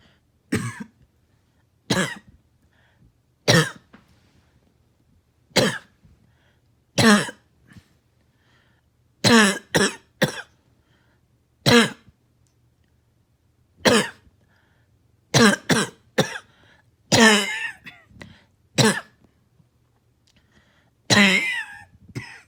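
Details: Barking cough, night and morning coughing, an adult giving about sixteen harsh abrupt coughs, some in quick runs.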